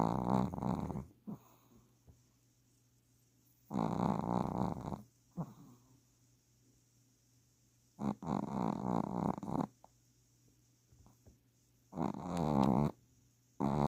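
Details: Sleeping dog snores loudly in rough, rattling bursts roughly every four seconds, about 15 a minute, heard over the TV.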